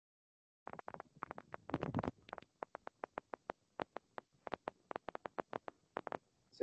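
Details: End plate spikes on needle EMG: irregular discharges with no regular rhythm, each with an initial negative (upward) deflection, recorded with the needle electrode in muscle.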